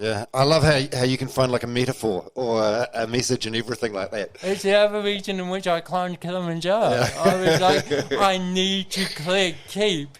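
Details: Adult man with congenital cerebral palsy, a brain injury from oxygen loss during birth, with thinking intact; real dysarthria with tremulous voice (cerebral palsy).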